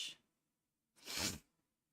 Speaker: Excuse me. Wasn't me. I didn't sneeze. You didn't hear that.